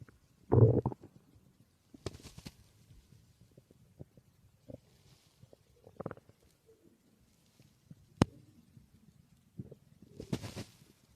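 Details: Recorded stomach growling (borborygmi): low gurgling and rumbling gut sounds in irregular bursts, with a few faint clicks and some background noise.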